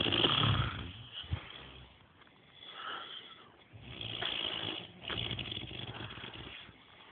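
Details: Two people sleeping and snoring: repeated rough, fluttering breaths, about three in seven seconds.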